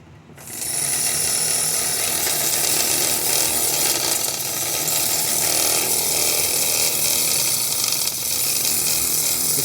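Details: Steady, loud, rattling, buzzing hum of a small nebulizer compressor motor running continuously after repair of a worn plunger and diaphragm; it had been used nonstop as an aquarium air pump.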